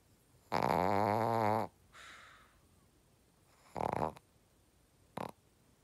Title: [shih tzu] Does your Shihtzu snore like this?